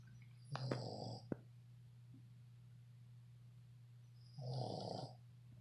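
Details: Two rough, fluttering snoring breaths about four seconds apart from a sleeping 7-month-old red Boston Terrier, over a steady background hum.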